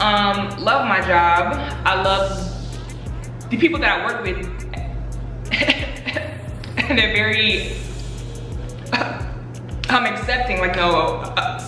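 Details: Adult woman who stutters, speaking in a Q&A about her own stuttering; stuttering.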